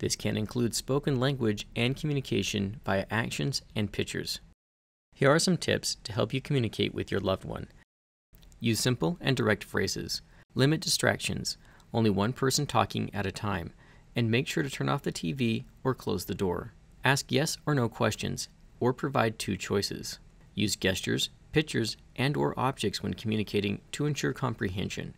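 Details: Adult male narrator; normal speech.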